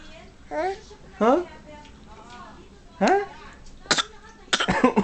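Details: Small child in a walker with a few short, sharp coughs near the end, amid brief vocal sounds and room noise; adults remark the child is coughing.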